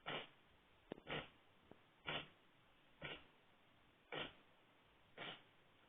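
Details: Cat coughing: six short, harsh, forceful expulsive bursts about one second apart; repeated cough.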